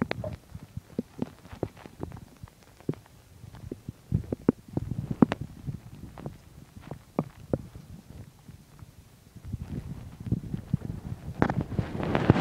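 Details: Stomach growling while digesting chicken and milk: irregular low gurgles and rumbles with short popping sounds, louder toward the end; active bowel sounds of an ordinary growling stomach.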